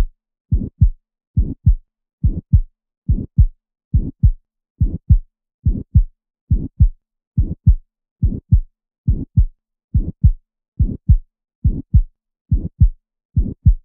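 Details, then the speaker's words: Aortic stenosis murmur, loudest at the right second interspace: regular heartbeat about 70 a minute with a harsh crescendo-decrescendo systolic murmur starting after an ejection click and ending at S2. "So you hear the murmur start soft after that ejection click, and then it peaks in intensity, and then it decrescendos or gets softer. And it ends at S2 when the valve closed."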